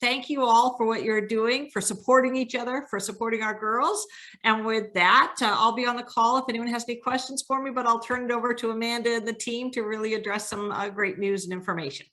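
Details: Adult woman speaking; normal speech.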